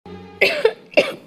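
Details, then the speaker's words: Woman with a sore throat and unwell since morning coughs in a dramatized scene: cough. "बात है ये खासी जी मम्मी जी वो क्या है ना आज सवेरे से तबीयत थोड़ी ठीक नहीं है"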